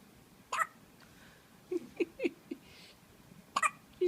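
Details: Hiccups in a 2-hour-old newborn baby: small, quick, repeated gulping catches, several within a few seconds.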